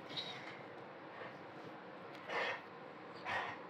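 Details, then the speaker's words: Dog coughing: two short, harsh bursts heard faintly behind steady room noise. "Désolée pour le bruit, si vous entendez le bruit, c'est mon chien qui tousse."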